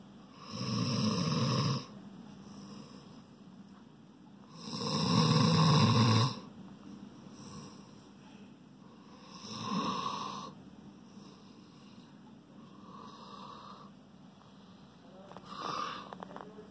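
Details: Shorthaired pointer dog asleep: loud, rough snores on inhaling roughly every four seconds, alternating with quieter breaths; snoring.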